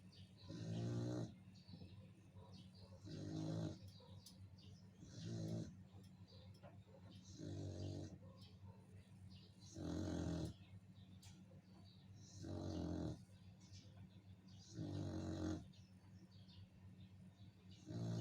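Regular low rumbling snores with each breath, about 24 a minute, with quiet gaps between them.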